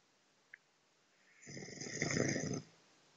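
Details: Adult man snoring loudly during sleep, as reported by his partner: a single loud, rough snore on breathing in, rising and then stopping, after near silence.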